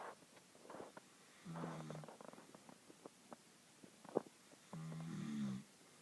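Two low, buzzing snores with quiet breathing between them: snoring.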